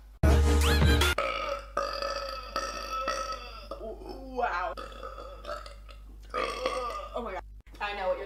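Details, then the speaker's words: A compilation of a woman's drawn-out, voiced belches with brief talk and background music; repeated burping, which she apologizes for doing in every video. "oh my god I apologize can I not go a video without burping solid"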